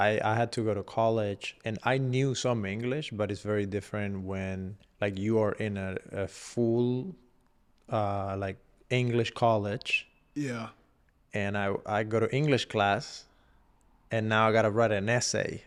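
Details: Adult man speaking; no speech disorder.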